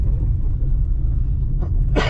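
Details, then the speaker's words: Single sharp cough at the end of a clip of steady car engine rumble, from a driver who says he still has a bit of a cough. "Todavía traigo un poco de tos Así es que por ahí me van a escuchar estar tosiendo pero una disculpa"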